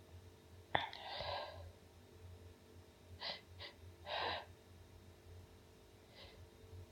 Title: Only nonstop sneezing